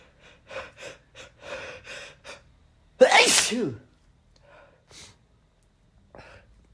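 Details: Male feeling under the weather, sneezes induced with chhinikkni snuff: several quick in-breaths build to one loud, explosive sneeze, followed by softer breaths.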